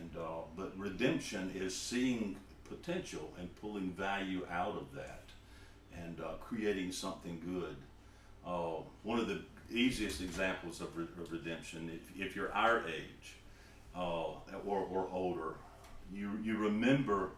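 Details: Stuttering in an adult man who was a profuse stutterer as a child and adolescent and still stutters.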